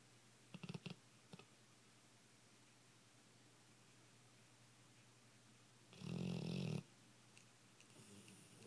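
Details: Female Dogue de Bordeaux snoring: quiet breathing and brief snorts early on, then one long, loud, rumbling snore.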